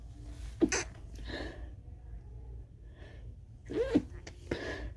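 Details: Part 1 of a huge sneezing fit: two muffled, stifled sneezes with short catches of breath between; the person says they wish they'd let them out.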